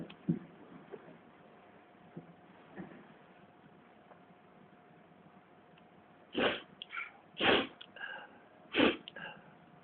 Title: I LOVE TWIN SNEEZES !